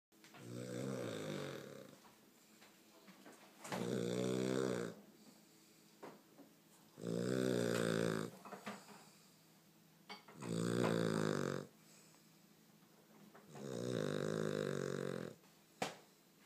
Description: My dog snores very loudly.....no one is sure why